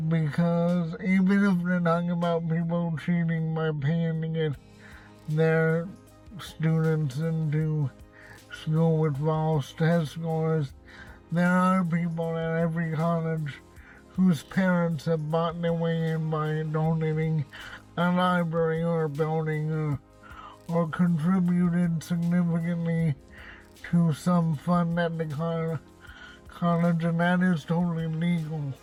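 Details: Dysarthria in an adult man who reports cerebral palsy and a speech impediment, speaking in his car.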